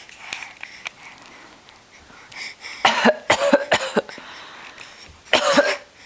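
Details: A 9.5-month-old baby boy crawling toward the camera and practising a fake cough to imitate his mother: two short bursts of small, forced, playful coughs, not illness.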